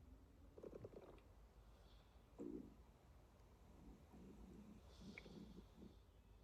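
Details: Girl waking up with stomach growling; low gurgling and rumbling bursts over quiet room noise, ordinary borborygmi.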